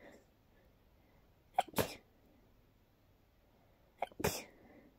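Two sneezes, each with a short sharp intake before a forceful burst, a few seconds apart in a quiet room; a brief sneezing fit.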